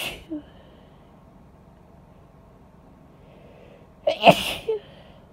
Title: Induced Cold Sneezes (F)